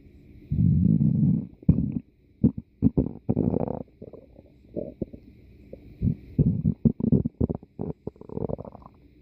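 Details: Stomach growling (borborygmi): low rumbling and squelching gurgles in uneven bursts, consistent with gas and fluid moving through the gut.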